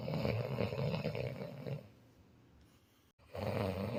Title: How to deal with snoring